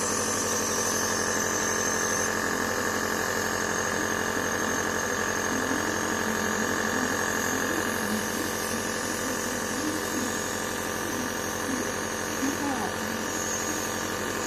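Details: A nebulizer running with steady mechanical buzzing and hiss during nebulization treatment for a coughing dog, with faint background voices.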